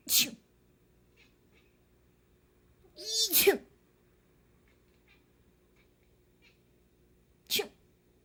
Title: Cat reacting to sneezing